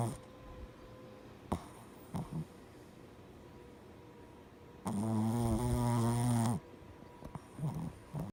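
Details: Very tired pet Oreo snoring while asleep: a long, loud buzzing snore on one inward breath after quieter breathing, with faint room noise.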